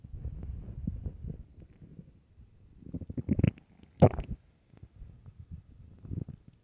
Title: extremely LOUD stomach growls and empty stomach (part 4)